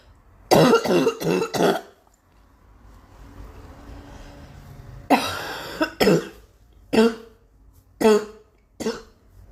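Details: Girl's repeated cough: a burst of several quick coughs, a pause with faint room noise, then about five more separate coughs.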